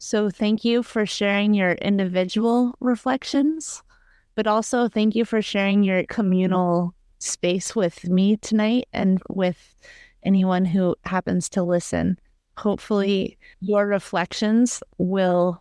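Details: Adult woman speaking; normal speech.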